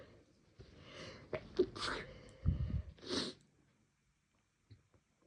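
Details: Person who had been sneezing more than usual that day for no apparent reason, sneezes induced by tickling the nose: two loud sneezes, each a quick breath in then a forceful burst, then quiet; ordinary sneezing.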